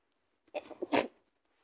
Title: strong stifled sneezing 🤧/my nose at the end